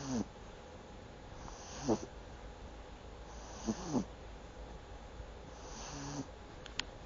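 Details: A pug snoring: soft, irregular snoring with brief rattling snorts roughly every two seconds over steady room hiss.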